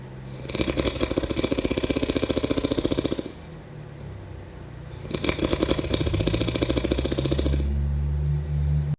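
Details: Two long, loud, rattling snores with a fast fluttering buzz, each about three seconds long, separated by quieter breathing; snoring during sleep.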